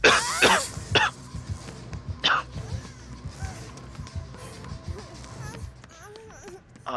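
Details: Coughing fit after choking on own saliva.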